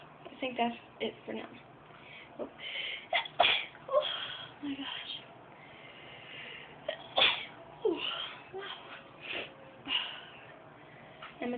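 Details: Young woman deliberately making herself sneeze by tickling inside her nose with a rolled-up piece of material, then the other nostril: sniffs and quiet vocal sounds, then several abrupt sneezes; induced sneezing.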